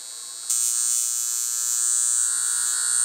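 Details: Lift Wand portable high-frequency facial wand, which emits argon gas through a glass electrode, switched on at a high setting and touched to a finger: a sudden, sharp, steady high-pitched electrical buzz.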